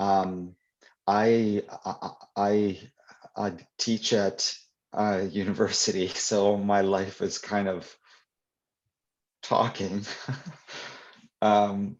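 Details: Adult who stutters, answering a question during a live convention Q&A; real, unscripted speech; stuttering.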